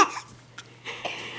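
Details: Voluntary fake cough from a 5-month-old baby girl who just learned it; the parent says she is not sick and suspects it is for attention. Short, light cough bursts made on purpose, not from illness.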